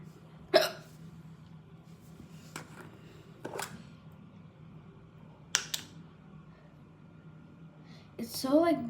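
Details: Person hiccupping while talking to camera: four abrupt, sharp hiccups at irregular intervals in a quiet room, followed by the start of speech.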